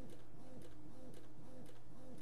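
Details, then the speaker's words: Lansinoh Affinity Pro double electric breast pump in its automatic two-minute let-down stimulation phase mimicking a baby latching: quiet, rapid, rhythmic mechanical whirring suction pulses. "does this for two minutes automatically so it's it's like the baby's latching on and for the first two minutes you're going to experience this"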